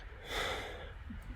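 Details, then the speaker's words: Adult man imitating the sudden gasp of a sleep apnoea sufferer resuming breathing after a long pause: a single sharp, noisy inward gasp; he has suffered sleep apnoea for about a year and once weighed about 23 stone. "So you would often hear stories of people that have sleep apnea of sort of taken in their sleep long periods where they wouldn't breathe and all of a sudden be like"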